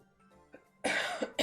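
Soft background game music, then a sudden harsh cough burst followed by a second cough starting as the clip ends; cough with a COVID infection.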